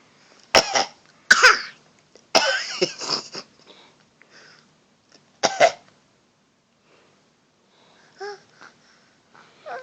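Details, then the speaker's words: Young child giving several short, deliberate fake (voluntary) coughs, followed by quiet babbling. "you have such a personality already. Like, oh my goodness. How you just know how to fake cough like that?"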